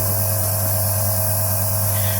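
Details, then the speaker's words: Compressor nebulizer (Medtech Handyneb Smart) just switched on, loud steady motor hum and rattle as water is converted to mist delivered through a mask for inhalation; compressor nebulizer running. "Machine है वह शुरू हो चुका है मैं कोशिश करता हूं आपको थोड़ा सा पास से दिखा पाऊं ताकि आपको क्लियर आइडिया हो जाए"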